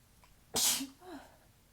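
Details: Single sharp, forceful sneeze with a brief voiced tail in a quiet room, recorded just after waking the morning after a sizable allergy attack to dust.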